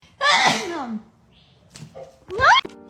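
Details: Cat sneezing: one loud sneeze burst, then brief small noises and a short cry-like sound; a single sneeze.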